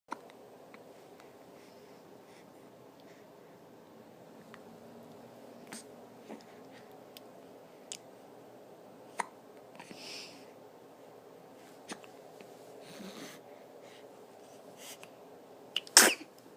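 Soft hiccup clicks at intervals in a quiet room, ending with one sharp, explosive sneeze.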